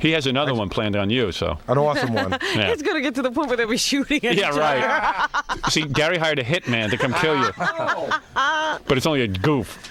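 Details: Adult men in conversation; typical speech.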